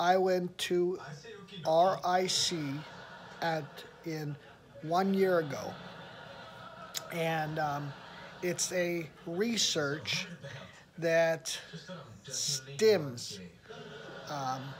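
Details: Aphasia in an adult reporting improvement with practice, having attended a rehabilitation research program about a year earlier; word-finding difficulty and fragmented sentences.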